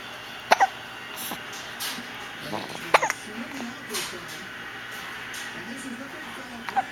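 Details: Drooling child with one sock half off has hiccups: three abrupt squeaky hiccup bursts about a second or more apart, with faint background sounds.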